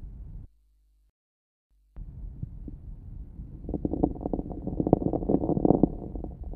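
Breath sound with many fine, brief crackles building in number and loudness toward the end of inspiration: late inspiratory fine crackles.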